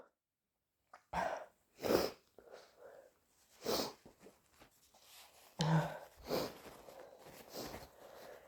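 Several explosive bursts with a wet, spraying quality, followed by a mucus-laden nose blow; repeated wet sneezing.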